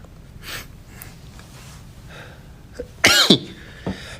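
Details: A single loud, explosive sneeze from a K-pop singer: a brief inhalation, the sneeze, then a short sniff, in a small room.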